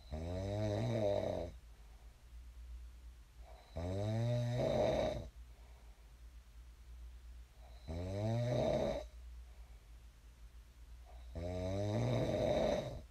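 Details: Sleep snoring recorded for ASMR: loud, buzzing snores on each inhalation with quiet exhalations between, about 4 breaths a minute in this stretch; ordinary snoring in a sleeper who later woke up.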